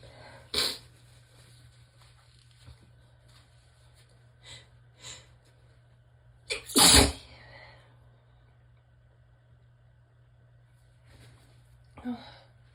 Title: Relaxed sneezes pt. 2 - finally got pt. 1’s tickle unstuck!